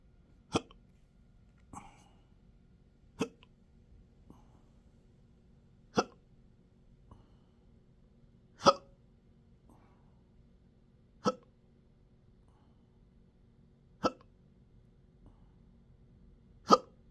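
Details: Person with intractable hiccups since December 2015, with choking spasms, belching and developing achalasia III, in 12-hour daily episodes. Eight sharp hiccups about every 2.5 seconds, roughly 22/min, with faint smaller catches between.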